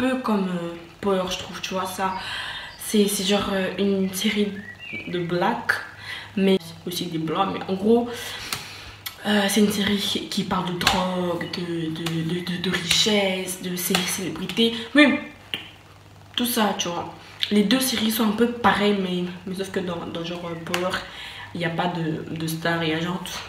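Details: French-speaking woman who says she stutters, speaking in her own vlog; stuttering.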